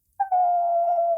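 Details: Woman with Tourette syndrome demonstrating a long vocal tic on purpose; she describes the urge as an itchy throat that the sound relieves, like scratching; vocal tic (Tourette syndrome).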